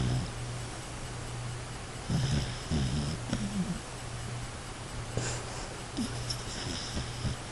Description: this is my dog, & his freakn snoring.